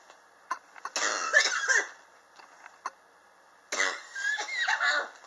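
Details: Chronic cough recorded July 2018 in a person coughing since summer 2016, which they attribute to extreme temperature changes in their apartment: two bouts of harsh, repeated coughing separated by a quiet pause.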